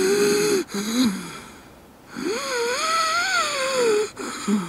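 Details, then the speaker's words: High, musical whistling wheezes with each breath, played as an example of the wheezing heard in asthma, a chronic airway narrowing and inflammation with cough and chest tightness. "Nah, asma merupakan penyumbatan saluran nafas atau peradangan saluran nafas yang berlangsung secara kronis, yang ditandai dengan adanya batuk, adanya mengi atau wheezing."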